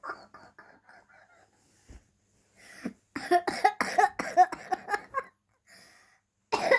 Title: 10 year old girl coughing and laughing while telling the story